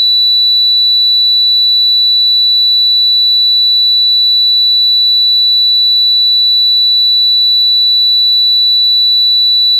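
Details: A steady, continuous 3960 Hz high-pitched tone with no breaks, simulating tinnitus ringing; tinnitus simulation.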